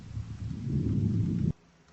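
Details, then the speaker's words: Soft, low rustling inspiration heard with a stethoscope over the back at the scapular line (7th–9th intercostal spaces), with no added sounds: normal vesicular breathing, equal on both sides. "мы можем сделать заключение что приускультации в симметричных точках выслушивается везикулярное дыхание одинаковое с обеих сторон"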